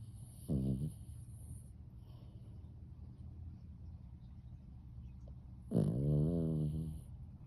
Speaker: You snoring? Oh, you're so precious, huh?